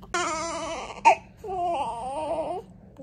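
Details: Strong, high-pitched cry of a newborn girl, 20 inches long, in hospital during her first 24 hours after birth: two vigorous, clear bursts with a brief breath between; normal newborn cry.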